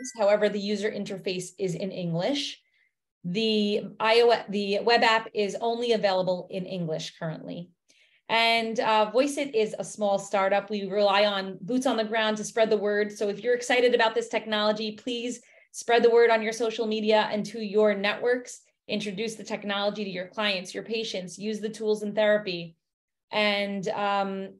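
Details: Adult woman speaking; normal speech.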